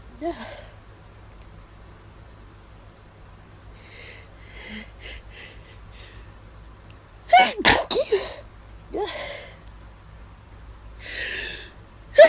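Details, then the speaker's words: Stifled allergy sneezes, deliberately induced after hours of nasal itching: several stifled sneezes, some with a short breath drawn in first, in a quiet room; sneezer says they are getting hard to stifle. "Ugh. Yeah. These are getting hard to stifle. Ugh."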